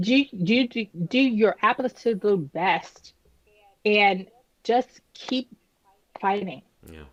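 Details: Adult woman, about 10 years after an ischemic stroke at age 36 that damaged about a third of her brain, including the speech center; initially unable to speak, with right-side paralysis; still recovering, with repetitions and word-finding pauses; post-stroke aphasia and apraxia of speech.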